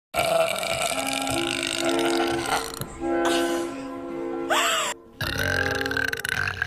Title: burping daughter tiktoks